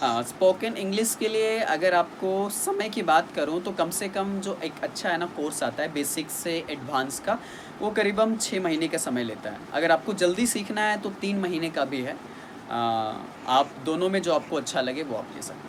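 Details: Adult speaker; fluent speech.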